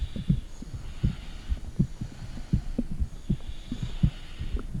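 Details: Heartbeat recorded with a phone, microphone on the stomach: muffled low thumps repeating under a steady hum, heard through the belly; heartbeat.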